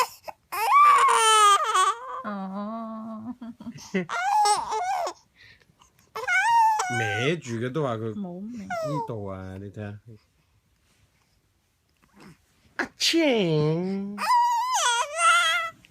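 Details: Sick 4-month-old baby cries as his father copies his sneezing sound: high-pitched, wavering wails in short bursts with breaks, mixed with fussing.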